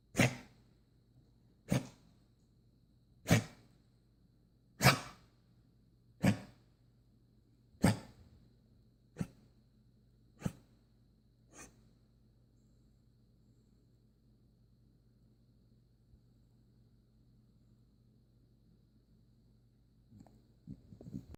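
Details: A dog gives about nine sharp, snorting bursts that fade out over twelve seconds; the owner calls it a reverse cough. Reverse sneezing.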